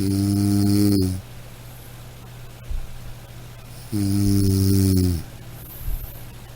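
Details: Snoring: deep, buzzing snores lasting about a second each, roughly three seconds apart, over a steady low background hum.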